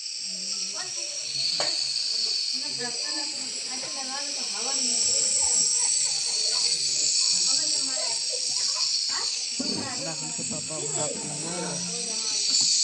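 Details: Steady loud hiss of a steam inhaler or nebulizer given by nose and mouth mask to a hospitalised child with a mild cough, with his fussy vocal sounds and crying over it.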